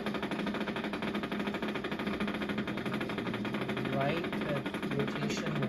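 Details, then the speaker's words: Needle EMG from a dystonia patient's muscle at rest that should be silent: continuous rapid crackling motor unit firing, a dystonic discharge. "Which means that normally if that person was sitting there doing nothing and not moving anything, the muscle should be silent. But this is what you see even if you're not doing anything at all."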